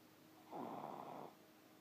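One soft, rough, rumbling snore on a breath lasting under a second, over steady room hum.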